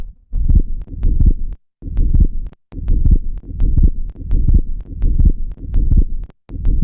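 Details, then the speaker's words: Pediatric auscultation at upper left sternal border: low, muffled heartbeat with split second heart sound. "Es muy importante la pediátrica porque puede estar reforzado, puede estar desdoblado y la verdad es que esto es muy muy fácil oírlo y además cuando los pacientes tienen bloqueo de rama derecha todavía se oye mejor."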